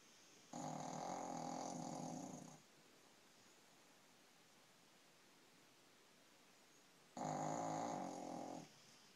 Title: snoring